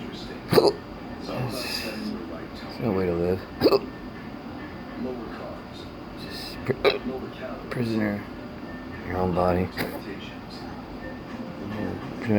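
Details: Patient with persistent intractable hiccups since December 2015, plus breathing and choking spasms and erratic stomach sphincter control, cause undiagnosed; hiccups with regurgitation all night: repeated abrupt hiccup bursts with brief voiced catches, several in twelve seconds.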